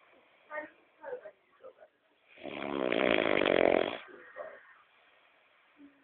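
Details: Brother snoring loudly while asleep: one long, loud, rough rattling breath between softer noises; a single loud snore.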